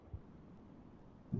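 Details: Heard by stethoscope: two soft, low thumps about a second apart over a steady hiss, the lub of the first and dub of the second heart sound; normal heart sounds S1 and S2.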